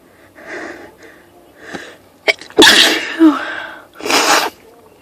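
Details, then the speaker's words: Sneezing fit of 18 sneezes set off by one spritz of perfume after being sniffly with an urge to sneeze all day: quiet in-breaths build to a sharp, explosive sneeze, then another forceful sneeze. "I'm sneezing like crazy today."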